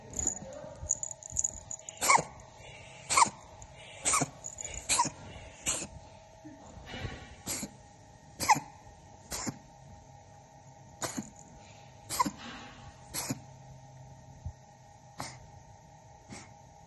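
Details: About a dozen short, sharp, dry cough bursts from a cat over seventeen seconds, with a steady hum in the room; cat cough.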